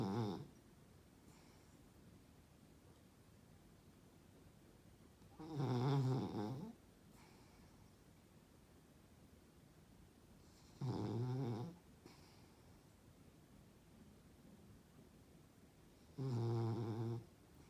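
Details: Snoring in a sleeping puggle dog: loud, low, fluttering snores about every five seconds, roughly 11 a minute, with quiet pauses between.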